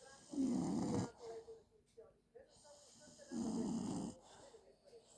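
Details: Snoring during sleep: two loud, buzzing snores about three seconds apart with quieter breathing between them.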